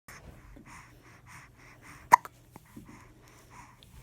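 One sharp, abrupt hiccup click stands out against quiet background voices and room noise.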